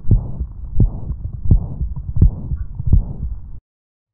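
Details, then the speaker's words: Mitral regurgitation: a regular heartbeat near 85 a minute with a blowing holosystolic murmur and added low S3 and S4 sounds around the beats. A deep held inspiration does not change the murmur. "there's also a holosystolic or pansystolic murmur with added heart sounds like the S3 and S4"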